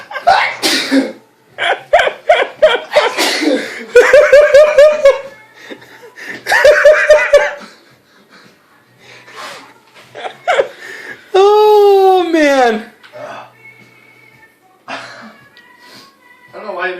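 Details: Adult's loud, shouted sneeze drawn out into a long holler, deliberately exaggerated and partly forced for fun, amid laughter and chatter; sneezing.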